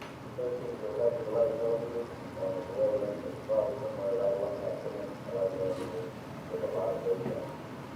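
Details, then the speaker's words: Implant motor placing the first of two mini dental implants: repeated low tonal beeps in short runs as it stops at the 30 torque limit, before going up to 60. "Okay, first implant. You hear the beeping? So it stopped at 30, now we're going up to 60."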